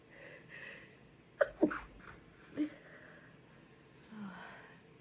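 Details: Desperate stifled sneezes held back with a closed mouth: two quick muffled bursts close together, then a softer third, in a quiet room, trying to stay quiet while everyone sleeps.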